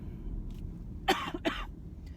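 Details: Two short, harsh coughs from an adult with bronchitis over a low steady background rumble; the doctor heard wheezing and ordered an X-ray to rule out pneumonia; cough.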